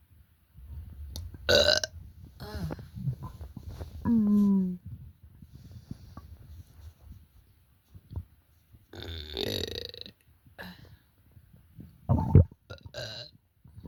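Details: An adult with an upset stomach making wild croaking sounds gives a series of deep, gurgling, relieving belches, with quiet low rumbling between them.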